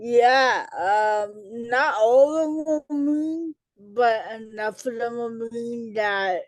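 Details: Adult female educator and author with cerebral palsy, who had a childhood speech delay treated with intervention; dysarthria in cerebral palsy.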